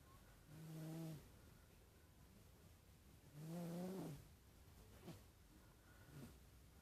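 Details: Two long, low, buzzy snores about three seconds apart with faint, softer breaths between, from a sleeping cat: ordinary, loud snoring.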